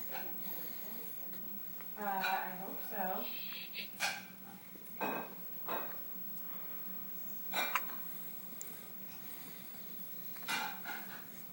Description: Baby has hiccups